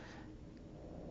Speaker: you hear my my dogs snoring I have three pugs and one Bulldog an English bulldog and it's their nap time right now and they sleep in my studio right next to my desk over there